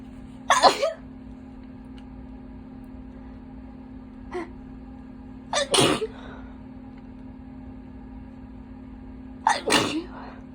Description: I’ve been holding back sneezing alll day so i induced all my itchiness out